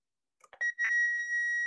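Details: Neonatal intensive care unit defibrillator training workshop: a few button clicks, then a steady high electronic tone as the defibrillator is set up for defibrillation, with electrode gel on the pads before joule selection and charging.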